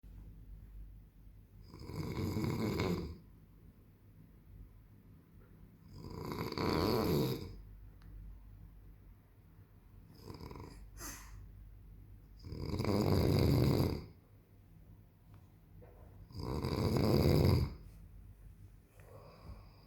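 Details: Loud, rough snores from an adult man (father) recurring about every five seconds, roughly 12 to 16 a minute, with quiet breathing between; heavy snoring.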